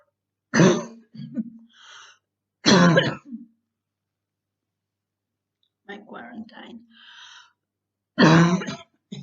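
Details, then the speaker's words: Repeated harsh coughs and throat clearing in several bouts from a girl with a very hard bronchitis; cough. "A very hard bronchitis, really."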